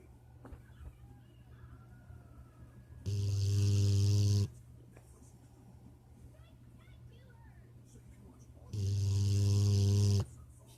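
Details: Snoring in Rocket, compared to Darth Vader breathing: two long, loud, deep rasping snores about six seconds apart, with quiet room noise between them.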